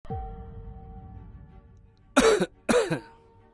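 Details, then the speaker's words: Cough from a man complaining of a bad cough, in a Punjabi COVID-19 awareness skit urging testing for cough, cold and fever; he had only taken medicine from the village doctor. "ਬੜੀ ਖੰਗ ਲੱਗੀ ਸਰਪੰਚ ਸਾਹਬ ਖੰਗ ਨੇ ਤਾਂ ਮੇਰੇ ਵਟੀ ਕੱਢੇ ਪਏ ਨੇ"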